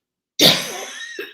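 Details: Adult speaker during a live talk: one sharp, dry cough with a short breath after it.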